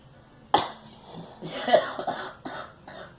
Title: Girl coughing